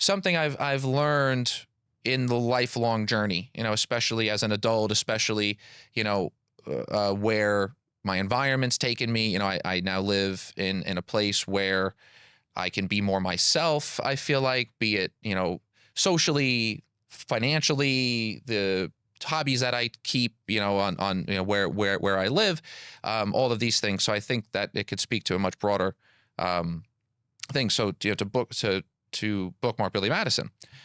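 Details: Adult man, self-described stutterer since childhood; the speech shows word and part-word repetitions, consistent with stuttering.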